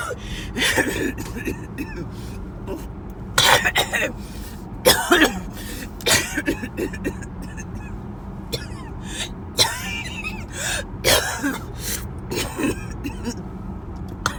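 Repeated bursts of harsh coughing and throat clearing over steady car noise, a coughing fit.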